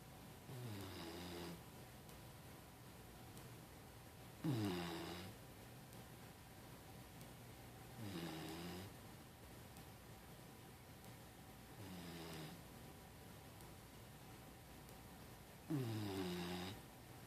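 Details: A Labrador puppy named Hank snores softly during his mid-morning nap, about one snore every four seconds with quiet breathing in between; ordinary sleep snoring.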